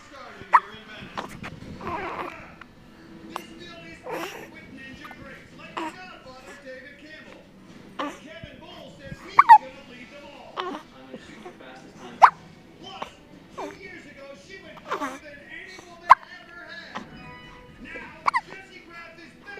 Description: Baby's got the Hiccups. So Cute!